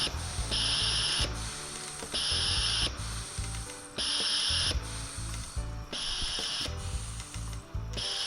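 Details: S-21 pneumatic transport ventilator demonstrated on simulated adult settings: rhythmic bursts of hissing gas flow alternate with quieter mechanical clicking, roughly every one to two seconds, as the ventilator cycles.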